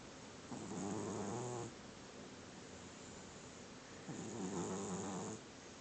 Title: Snoring cat with creepy eye